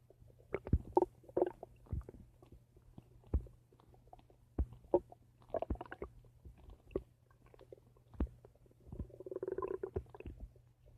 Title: My Stomach Making Noise